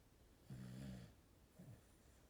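Two low, rumbling snore-like breath sounds, one long and one short, in a quiet space; snoring.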